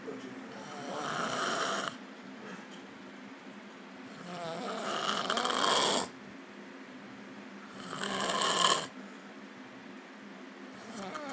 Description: Cousin passed out from the club snoring like a grey hound bus